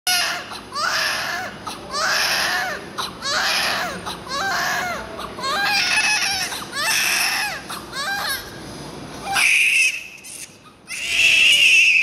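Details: Loud, rhythmic newborn crying in repeated bursts with breaths between, steady high room tone; vigorous cry just after a difficult labour birth.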